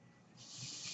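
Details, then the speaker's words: A podcast host opens by pointing out a background noise, transcribed unclearly as something like "ventilate": a soft airy hiss swelling to a steady rush, resembling a mechanical ventilator breath cycle. "hello everyone my name is that noise you're hearing he's way ventilate and welcome to page turners"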